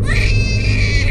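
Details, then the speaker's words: Loud, sustained, high-pitched wail from a hungry 2-week-old baby girl in a car on the way home to be fed, with a steady voiced tone and low engine rumble behind. "ohy baby don't cry when library books are laid it stresses me out no that doesn't work okay doesn't work doesn't work it's okay it's okay we're trying to get you food"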